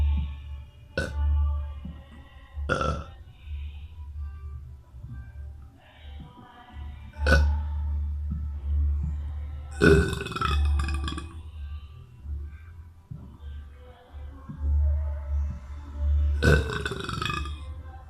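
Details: A boy burping: several loud, gurgling belches, some long and drawn out, over steady background music. Repeated burping.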